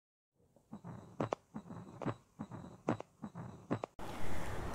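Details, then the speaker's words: First heart sound (S1) heard with a stethoscope in the mitral area during a cardiovascular examination, while the carotid artery is palpated; S1 coincides with the carotid upstroke. "auscultate first heart sound in the mitral area palpate the carotid artery while listening to the first heart sound s1 coincides with carotid upstroke"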